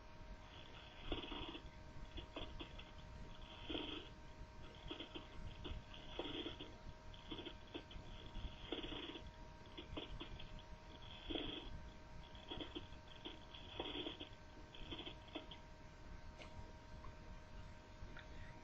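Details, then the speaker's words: Rough, creaking rasps with each breath, louder on breathing in, heard over the lower chest wall below T4, a sign of pleural inflammation as in pleuritis: a pleural friction rub. "lo vamos a encontrar en la pared del tórax principalmente en niveles bajo t4 porque en las partes inferiores es donde más contacto y fricción podrían tener las pleuras es un signo de inflamación pleural y por lo tanto lo encontraremos en la pleuritis"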